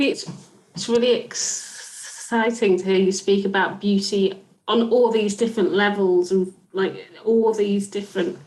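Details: Adult woman speaking; fluent speech.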